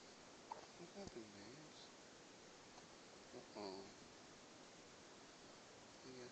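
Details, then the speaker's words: A sleepy infant's soft, sudden hiccup sounds with brief voiced squeaks, a few seconds apart in a quiet room; hiccups. "You got hiccups. Sleepy now. Yeah. Oh, so there. Hiccups still there."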